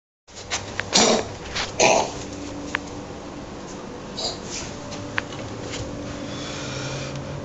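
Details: A dog gives two short, harsh coughs, followed by a few faint sounds in a quiet room.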